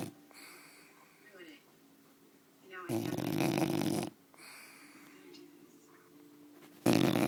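Loud, harsh, rattling noisy breaths recurring every few seconds, with quieter breathing between; snoring in a sleeping bulldog.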